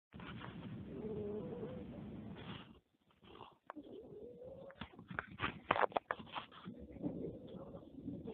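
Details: Cat with cancer snoring near the end of her life: rough, fluttering breath noise with a faint tonal whine on each breath, then softer snuffling and clicks.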